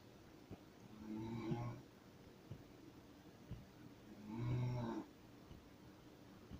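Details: An adult woman snoring: two low, rumbling snores on the in-breath, roughly three seconds apart, over quiet room noise with faint clicks.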